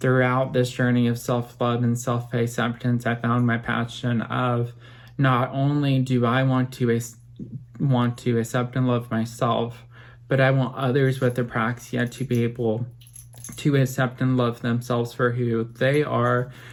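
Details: Adult man, 25 at filming, with apraxia of speech since childhood, who had speech therapy from age 20 to 23 that he says greatly helped his speech; apraxia of speech.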